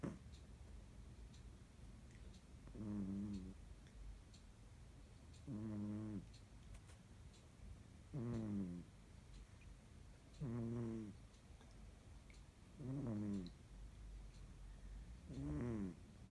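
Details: A sleeping young male cat snores in steady, buzzing bursts at about 24 breaths a minute.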